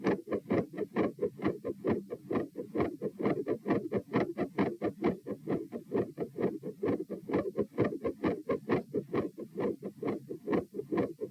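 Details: Heart sounds recorded at position P while standing, at 132 bpm, reproducing feeling unwell and like dropping after 5–10 minutes standing; fast beats with changing patterns, silent halfway then resuming increasingly louder; tachycardia with third heart sound, fixed split S2 and murmur.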